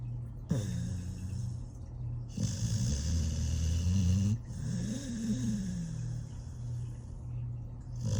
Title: 13yo Dog Snoring in His Sleep Compilation, Rescue Pit Bull Snores Like Old Man, Cute Pittie Snores